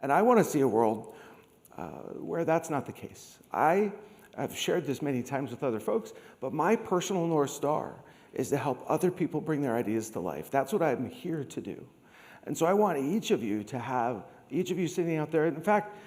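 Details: Adult man with degenerative, permanent neurological spasmodic dysphonia caused by long COVID, once reduced to a whisper, treated with Botox injections into the vocal cords, speech therapy and laryngeal manipulation; spasmodic dysphonia.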